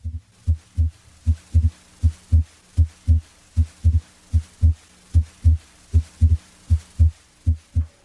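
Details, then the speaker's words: Physiologic splitting of S2: regular heart sounds near 78 a minute, listened at the aortic and pulmonic areas, where S2 splits on inspiration into A2 (aortic closure) and P2 (pulmonic closure). "try to identify the inspiratory splitting of s2 into its two components its first component a2 is from left-sided a or tick valve closure its second component p2 comes from right-sided pulmonic valve closure"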